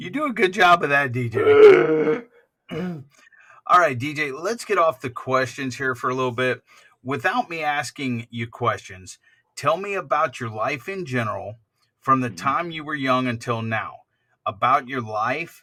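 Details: Adult male interviewer; typical speech.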